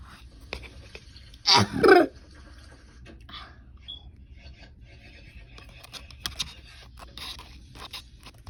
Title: Don’t mind my cute cough☺️￼